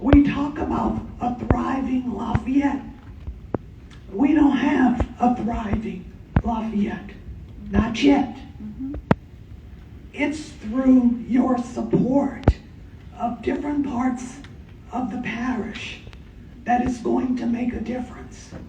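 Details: Adult woman who states she has spasmodic dysphonia, speaking during public comment; spasmodic dysphonia.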